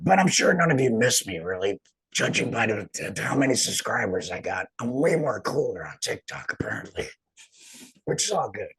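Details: Adult man speaking; alaryngeal speech after total laryngectomy.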